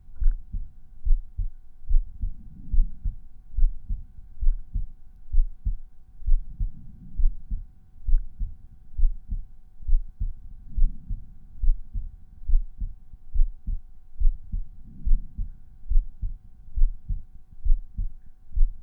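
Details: Resting heartbeat recorded at one of several chest auscultation points (Erb's point, tricuspid, mitral, pulmonary, aortic), volume normalized per point; normal heart sounds.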